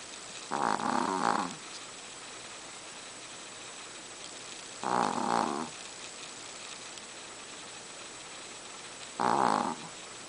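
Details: Chihuahua in deep sleep snoring: three loud, rough, vibrating snores about every four seconds, roughly 14 a minute, against quiet room noise.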